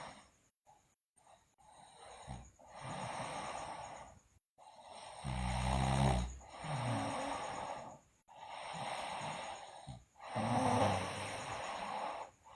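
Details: Sleeping girl snoring loudly: rhythmic snoring with each breath in, about five breaths over twelve seconds, some with a rattling low snore; snoring during sleep.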